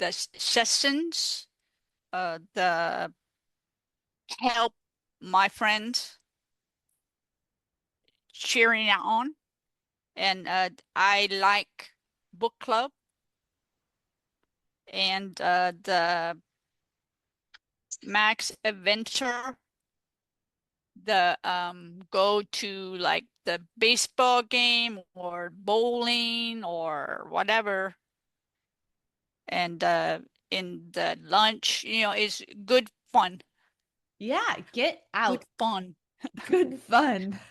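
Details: Female stroke survivor living with post-stroke aphasia, a real patient speaking in an interview; aphasia.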